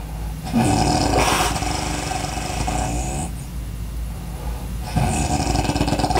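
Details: Loud, rough snoring breaths with a rattling low buzz over steady room noise.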